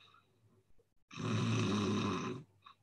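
An adult imitates a single rattling, low-pitched inward snore lasting about a second, followed by the start of speech: regular adult-type snoring.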